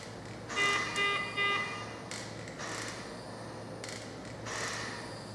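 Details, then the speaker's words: iX5 mechanical ventilator in a training demonstration after switching to SIMV with pressure support: repeated electronic alarm tones over steady machine noise and airflow hiss, triggered as the patient changes respiratory rate and exhaled volume. "observem que tem alguns alarmes que foram acionados nessa nessa nova ventilação isto ocorre porque o paciente está alterando a frequência respiratória o volume que ele está exalando ou seja ele está trabalhando junto com o respirador"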